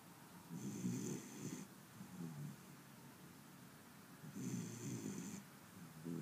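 Two slow rumbling snores on the in-breath with a faint whistling edge, about four seconds apart, from a sleeping young dog. Ordinary snoring.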